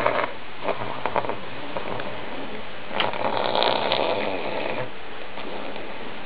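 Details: Rough, rattling snores and snuffling breaths from an old pug asleep, noisy breathing through a short airway: snoring.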